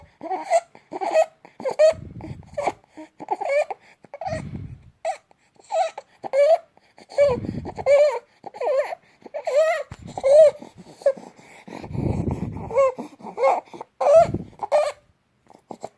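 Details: 2-month-old baby with stridor since birth, fussing and whimpering, with rough, noisy breaths between cries.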